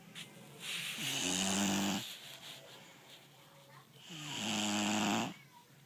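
Two loud, rattling inhaled snores about four seconds apart, with quieter breathing between them; ordinary snoring in a sleeping puppy.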